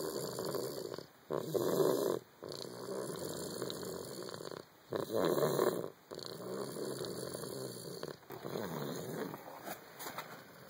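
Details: Young boy with an ear infection, later found to have croup, asleep: loud, rough snoring with harsh noisy breaths, the early sound before croup worsened.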